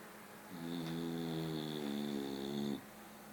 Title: FATTEST BULLDOG SLEEPING AND SNORING